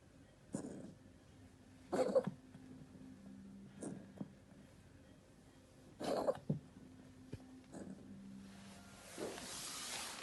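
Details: Cat coughing: several short, dry, hacking bursts repeating irregularly over ten seconds in a quiet room.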